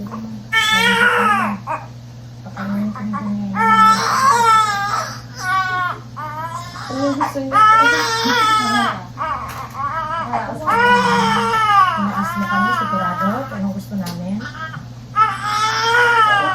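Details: Loud, vigorous, repeated wailing cries of a large newborn boy just after fast normal delivery with cord coil, adult voices and room hum; normal healthy newborn cry.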